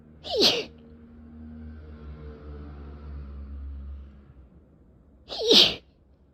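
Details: Repeated sharp, forceful sneezes about five seconds apart over a low hum, with nose tickling, in a person with a cat allergy causing a sore throat and eyes barely able to open; allergic rhinitis.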